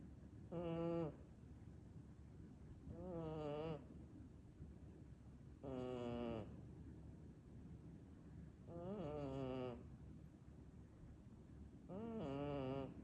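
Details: Sleeping cat in deep sleep snoring loudly: regular tonal snores, about five in thirteen seconds, over a steady background hum; ordinary snoring.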